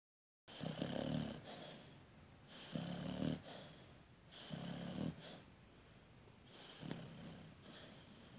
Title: Snoring